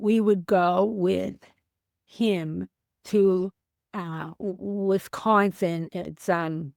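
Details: Female teacher with aphasia after a stroke on January 28, 2010, about 15 years post-stroke; she could not speak at all for three months afterward; aphasia.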